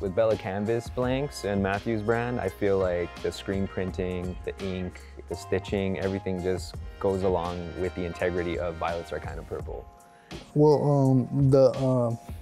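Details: Adult male speaker with background music; ordinary speech.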